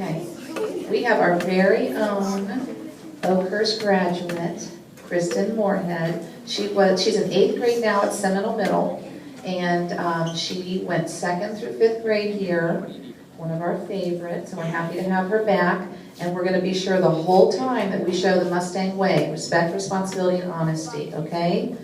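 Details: Adult woman; Normal speech.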